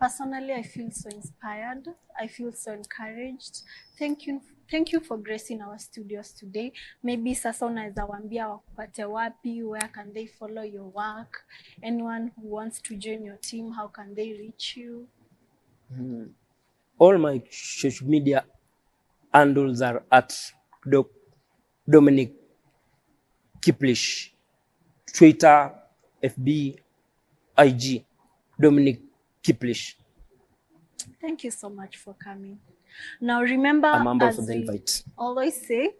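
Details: Adult man who stammers, self-described neurological stammering since birth; stuttering.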